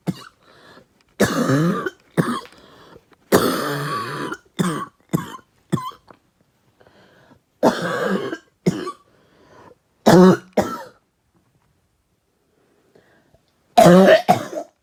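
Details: Light coughing after trying out a new bong: about a dozen harsh, dry coughs in loose clusters with pauses, an irritant cough after inhaling smoke.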